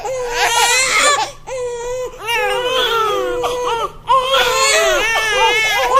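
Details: Recorded sound effect of a baby crying: loud, sustained infant crying with wavering pitch and brief pauses for breath.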